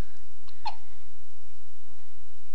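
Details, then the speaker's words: 12-day-old baby girl, almost back to birth weight: a single brief, sharp hiccup over steady low background rumble. "have hiccups again how you doing honey you're like 12 days old now just hanging out almost back up to your birth weight what are you up to hiccuping and just kicking it"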